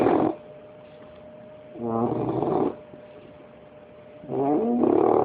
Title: Bullet the Bulldog snoring at 5 months old.